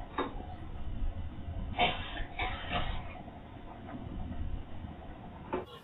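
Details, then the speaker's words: Elderly, sick, bedridden mother being forced to eat and drink while lying down. About five harsh bursts of coughing as water or food enters her windpipe; cough from aspiration. "শ্বাসনালীতে জল বা খাবার আটকে মা কাশছে, তার মধ্যে দিয়ে যাচ্ছে জল, তার মধ্যে দিয়ে যাচ্ছে খাবার।"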